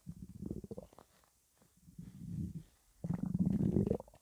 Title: Stomach rumbling (headphones advisable )